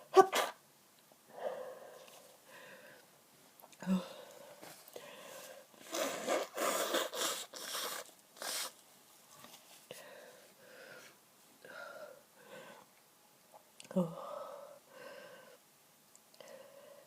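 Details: A series of short, muffled bursts with brief breaths between them, stifled sneezes during bad hay fever with hours of congestion and a tickly nose; repeated sneezing.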